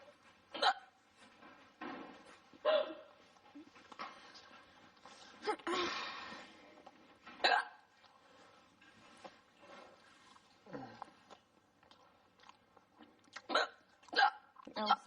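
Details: Hiccups in a person who calls them very loud with a head jolt and recurring despite remedies: repeated abrupt, voiced hiccups at irregular intervals, with quiet talk and room noise between them.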